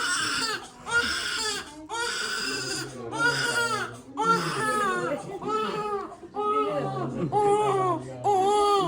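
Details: Newborn baby boy just delivered by unplanned C-section because of a badly tilted fetal position: strong, rhythmic crying in repeated wails about once a second, with adult voices in the room; a normal vigorous newborn cry.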